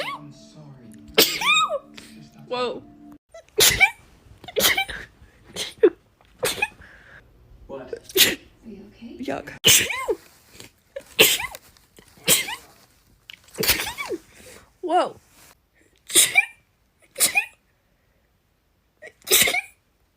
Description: Short compilation of rapid sneezes